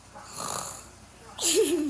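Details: Family members (father and sister) sleeping: snoring noises.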